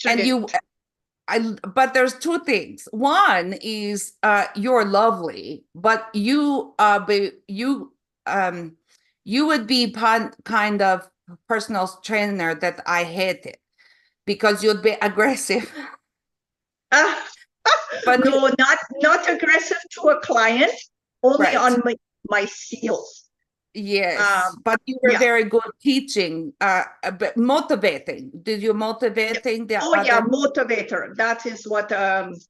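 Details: Adult woman with foreign accent syndrome since July 2010, onset after an event in 2010 and diagnosed by a neurologist, self-described 'flipper' whose accent changes, with memory, number and comprehension deficits: foreign accent syndrome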